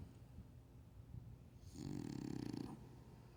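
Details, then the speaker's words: A French Bulldog just warming up to louder snoring: one short, rumbling, fluttering snore on a breath in after quiet breathing, snoring. "never seen a dog snore, and he's just warming up. This ain't nothing. Go ahead, Sancho."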